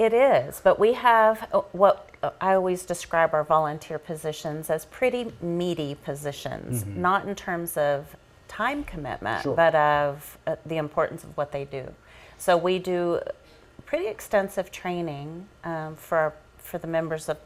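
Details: Adult woman speaking in interview; ordinary fluent speech.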